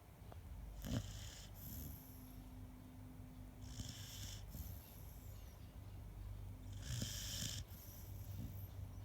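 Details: Soft, rhythmic snoring from a sleeping dog, a low fluttering snore with each breath, about three breaths in nine seconds; ordinary sleep snoring.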